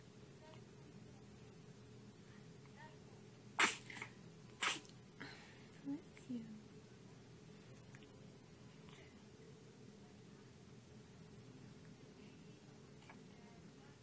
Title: hiccups & sneezes